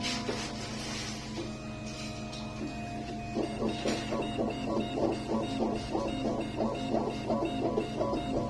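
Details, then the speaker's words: Steady machine hum with rapid rhythmic grinding pulses as a dental CNC mill with burrs wet-mills a semi-rigid purple tooth restoration that will be sintered afterwards. Dental milling machine. "So the material that we're using today, wet mills. There are other materials that dry mill, but this is a wet milling product. So you'll see, obviously, the burrs in there."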